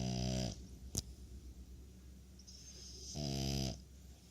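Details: Loud, rough, buzzing snores on two in-breaths with quieter breathing between, from a sleeping French Bulldog, a flat-faced breed; snoring.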